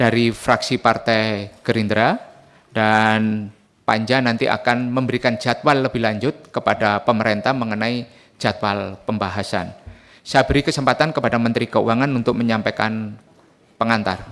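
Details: Adult man speaking; normal voice.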